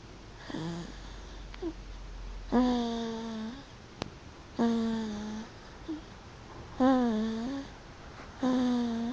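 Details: Sleeping child snoring, which the mother attributes to a badly placed pillow. Repeated tonal, humming snores about every two seconds, roughly 29 a minute, over quiet room noise.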